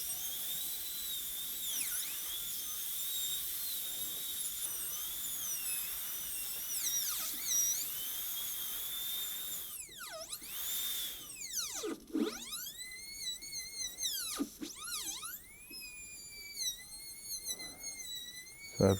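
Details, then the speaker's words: High-speed dental handpiece run dry on a typodont model tooth #18 during a gold onlay preparation, smoothing the pulpal floor: a high-pitched whine that dips in pitch each time the bur cuts. "of smoothed out this uh purple floor i'm working on smoothing it just using the the high speed install out it's very easy to to do that both clinically and with these type it on teeth"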